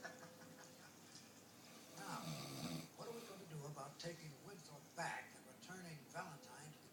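Repeated rough, fluttering breath noises during sleep, with faint talk in the background; ordinary snoring.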